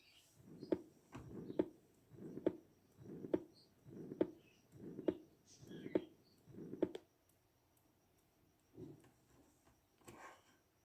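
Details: Ventricular septal defect: a regular heartbeat of about 69 a minute with a long, blowing pansystolic murmur, heard at the 4th–5th intercostal space and radiating across the precordium.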